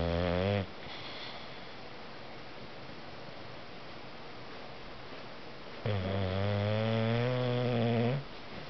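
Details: Snoring during a nap: two long, low, buzzing snores several seconds apart over steady room hiss.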